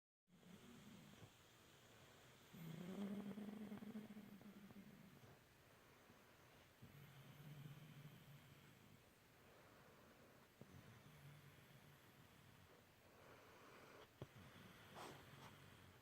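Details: Woman snoring, described as very ladylike: soft, low rumbling snores with each breath, some louder than others, over quiet room noise.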